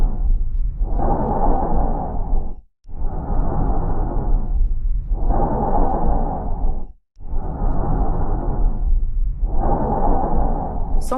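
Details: Tracheal breath sound, chest physical examination demonstration.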